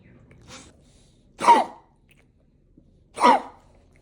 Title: I can’t stop coughing!